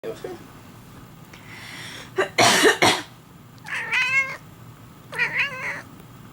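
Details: An adult's short, harsh cough burst, followed by two clear meows from the owner's cat, which reportedly meows whenever this person coughs or sneezes; an ordinary adult cough.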